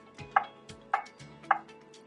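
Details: Steady repeating tick-like tones, roughly 105 a minute, from the CPR metronome of a ZOLL AED 3 in a demonstration, pacing chest compressions after a no-shock-advised prompt to start CPR.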